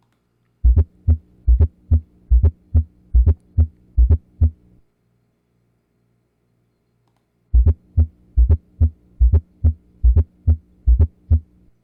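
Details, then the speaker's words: Regular heartbeat near 72 a minute with a soft extra sound late in diastole, just before the first heart sound, from atrial contraction: fourth heart sound (S4), atrial gallop. "4 тонн очень часто называют предсердный тоном за счет того что как раз таки он сокращается протерли и 4 тон называют очень часто от реальный или предсердный галоп а теперь как это слышится"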